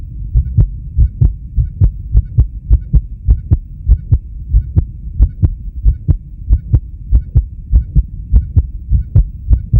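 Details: Male heartbeat recording, with blood pressure: steady paired heart sounds at about 100 beats a minute over a low hum.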